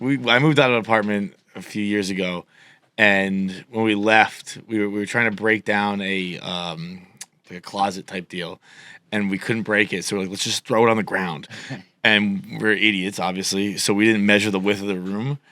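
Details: Adult male speaker; normal speech.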